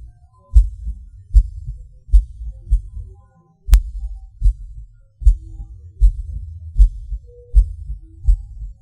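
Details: Self-recorded heartbeat of a person with PVC/PAC premature beats, felt as a falling sensation: low thumps around 75 a minute, uneven spacing, a pause near the middle, early and skipped beats.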